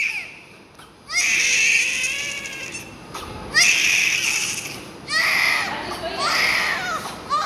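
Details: Loud, high-pitched newborn crying in long wails of one to two seconds with breaths between; a vigorous cry at a difficult birth after labour pain.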